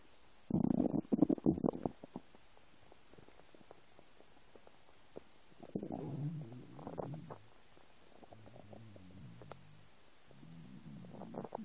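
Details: Low gurgling and bubbling rumbles in several bursts with quiet gaps from a person's empty stomach; typical stomach growling (borborygmi).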